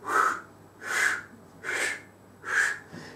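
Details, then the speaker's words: Lecturer vocally imitates a systolic heart murmur with rhythmic breathy whooshing, illustrating turbulent blood flow from high to low pressure; not a real heart recording. "when we have systolic mermer mermer is abnormal sound because of turbulence of blood flow going from the high pressure to low pressure like"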